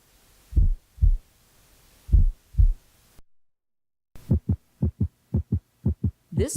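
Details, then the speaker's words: Slow, regular lub-dub beats at about 40 a minute on apical pulse auscultation: bradycardia; after a pause, a much faster run of beats follows. "this pulse is exhibiting braddock rd"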